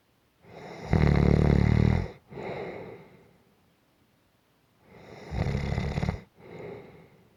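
Two rattling, low snores on breathing in, each followed by a softer breath out, at a slow sleeping breath rate.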